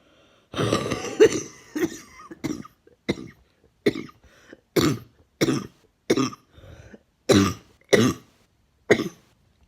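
An adult gives a run of about a dozen short, forceful coughs in a quiet room.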